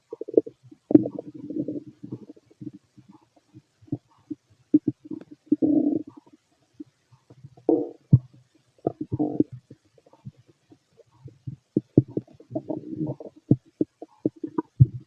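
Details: Fit adult male's abdomen through a stethoscope during digestion of a mixed meal: frequent gurgles, clicks and rumbling runs, active normal bowel sounds (stomach growling).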